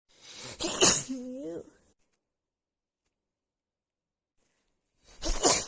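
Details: Adult female with a bad, stuffy head cold: a voiced inward build-up, then a forceful wet sneeze with a brief vocal tail, followed by a second sneeze. Sneezing due to a cold.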